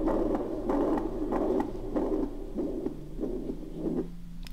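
Repeating heart cycles with a blowing murmur filling systole, typical of mitral regurgitation.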